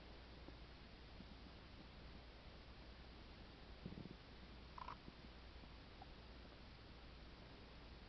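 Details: Stomach noises (borborygmi) attributed to a stomach ulcer: a steady low hiss with two brief gurgles, a low rumble and then a higher squelch.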